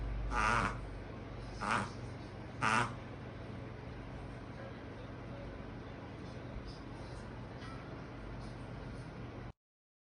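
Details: Pomeranian with tracheal collapse and bronchial narrowing: three loud, harsh honking coughs over about three seconds; goose-honk cough of tracheal collapse.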